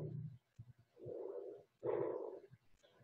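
Soft rushing breath sounds with inspiration and expiration of about equal length: normal bronchovesicular breathing.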